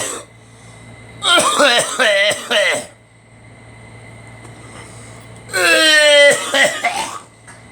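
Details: Two bursts of dry coughing and throat clearing, a few coughs each, separated by a quiet pause; coughing blamed on allergies.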